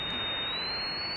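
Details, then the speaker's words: Simulated tinnitus made with an oscillator: a steady high-pitched whine that rises slightly over a constant white-noise hiss, matched by a person with tinnitus as sounding a lot like their ringing. "good oh yeah that that actually that sounds a lot like it what's funny is is that when I take the headphones off I continue to hear"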